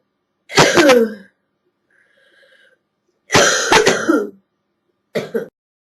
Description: a compilation of a girl’s nasty hacking cough from a chest cold